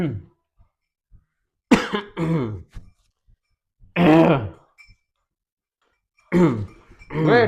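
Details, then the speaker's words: Acted cough in an Indonesian health skit about tuberculosis: several harsh, rough coughing bursts with throat clearing, separated by silence; the character has TB and has been on treatment for three weeks. "Din wat kok wis kayak truk mogok grok grok grok. Jangan-jangan kok kena kutukan TBC."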